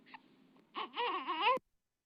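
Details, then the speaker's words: Infant cry given as an example in a baby cry translator app: a short wavering cry after a faint grunt, the type linked to a baby needing to burp. "itu kemudian bagi lelah atau mengantuk kemudian ingin sendawa"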